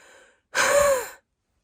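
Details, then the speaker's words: An immunocompromised adult woman recovering from COVID, with lungs not at full capacity, frequent coughing and harder breathing, takes a single effortful deep inhalation with a rough, faintly whistling edge after a softer breath: laboured deep breathing. "that's what I sound like breathing at the moment. Thanks, COVID."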